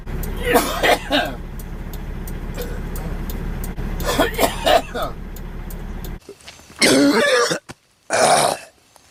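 Several harsh cough bursts over steady background hum and traffic-like noise.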